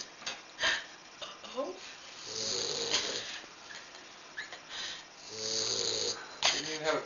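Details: Great Dane puppy snoring while asleep on a lap: rough, buzzy snoring breaths every few seconds with faint voices nearby.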